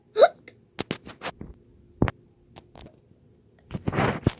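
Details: Cartoon character Peppa Pig with acted hiccups: repeated short, sharp hiccup sounds with a brief bit of voice; simulated hiccups.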